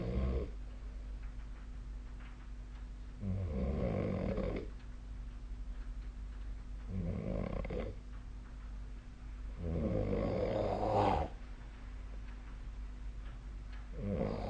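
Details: Nightly snoring sound recorded 2025/04/02, with the SnoreLab snoring app referenced: low, rattling snores with each breath, about every three to four seconds, over a steady room hum.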